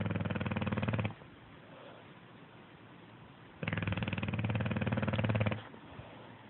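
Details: Two buzzing, fluttering snores of one to two seconds each, separated by quiet pauses; habitual snoring.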